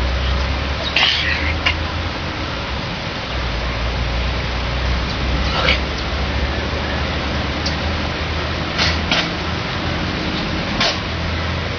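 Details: Several brief, soft sneezes and coughs over a steady background hiss and hum from Bachi, a chimpanzee at JACK sanctuary sick with flu among the first affected.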